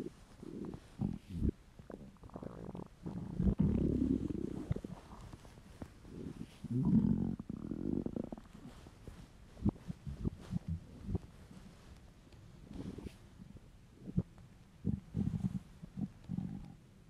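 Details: Male's hungry, empty stomach: irregular gurgling and low rumbling bursts from the belly with quieter gaps between; borborygmi, ordinary hunger rumbles.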